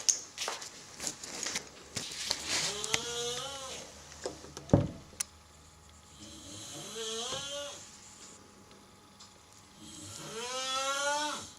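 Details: A sleeping cat snoring: rattling, whistling snores on each in-breath, about every four seconds, with some rustling at the start.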